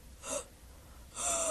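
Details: Tourette syndrome, a neurological involuntary movement disorder; simple vocal tic, a meaningless sniff/snort sound, shown as an example of Tourette vocal symptoms; simple vocal tic (sniff/snort).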